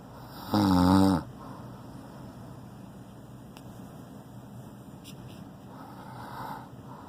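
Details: Man snoring very loudly, who on waking asks whether he is being loud again: a single loud, rough, low snore on the in-breath, followed by quiet breathing in a still room; loud snoring.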